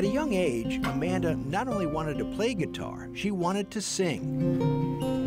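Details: Adult narrator; typical speech.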